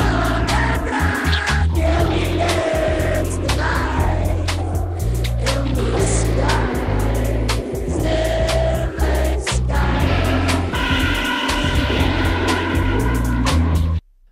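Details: Simulation of a full song as heard through a cochlear implant two years after activation, by a user with one functional ear: drums and instruments flattened into buzzy, blurred tones.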